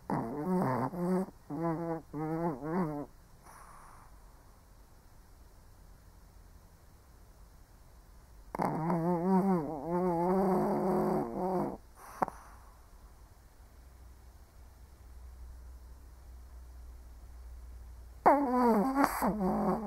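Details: Snoring from an old Shih Tzu asleep: groups of pitched, rattling breath sounds rising and falling with slow breathing, with pauses between breaths.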